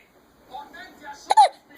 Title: Another case of the hiccups